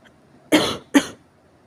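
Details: Severe cough: two sharp, forceful coughs in quick succession, each with a rough tail, in a quiet room.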